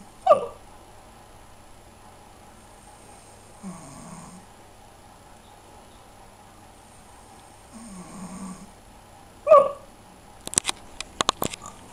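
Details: Two sudden sharp hiccup jerks about nine seconds apart, with soft breathing between, from a small animal; hiccups.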